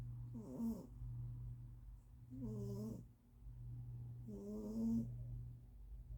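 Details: Sleeper: three slow, evenly spaced breaths, each with a soft tonal squeak or whistle, over a steady low hum; snoring.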